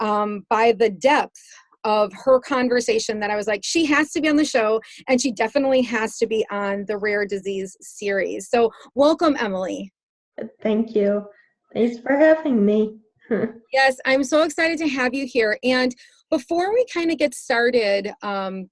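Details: Adult female host speaking, brief reply from a second speaker; typical speech.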